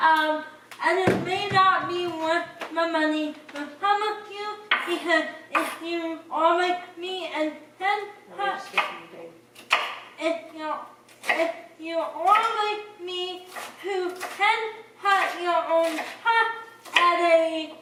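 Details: Dysarthria in a person with cerebral palsy.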